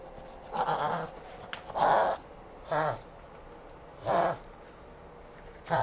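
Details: Prince Giovanni, a pug, reverse sneezing: five separate honking, snorting gasps with pauses between them.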